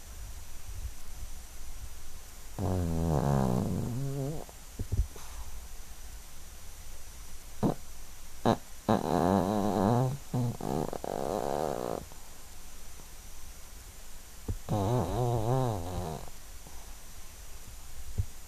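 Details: A 12-year-old Yorkshire terrier asleep and dreaming gives repeated low, rattling snores on breathing in, with brief twitchy sounds between them.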